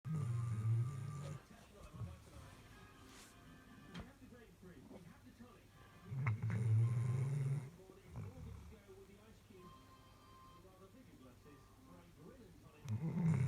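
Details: Deep, rumbling snores from a sleeping black Labrador in three bursts about six seconds apart, recorded in the dark, with faint music and room noise behind; ordinary snoring.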